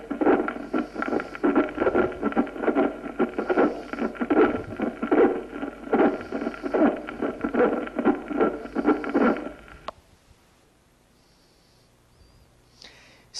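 Harsh, scratchy, leathery sounds repeat with each heartbeat at about 74 a minute for ten seconds, then quiet: a pericardial friction rub.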